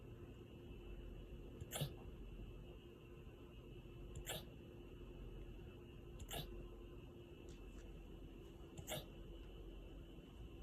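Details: Husky wolfdog with hiccups: four brief, soft, sharp catches spaced about two seconds apart over steady room hum.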